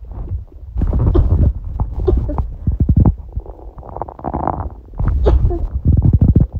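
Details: Hunger bowel sounds with sneezing, recorded as everyday stomach sounds: borborygmi.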